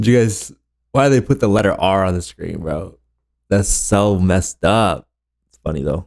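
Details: Adult male speaker; Normal speech.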